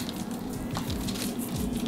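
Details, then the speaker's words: Doctor's vocal imitation of fine, continuous, rustling crackles, likened to rubbing hair, heard over a boy's right lower lobe; slight bacterial pneumonia, other lung fields clear. Crackles (imitated). "When I'm listening to his right lower lobe, what I'm hearing is crackles. Like if you imagine just moving your hair."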